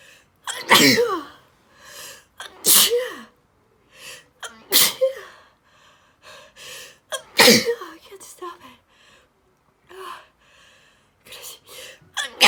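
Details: Repeated sneezes, some loud, some half-stifled, with sniffs, snorts and gasps between them, while wearing a detox face mask and unable to touch, cover or blow the nose.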